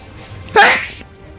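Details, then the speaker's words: Adult gamer sneezing: a single sudden, forceful sneeze about half a second long, with soft music behind it; sneeze. "I'm going to sneeze I can't no don't Snee"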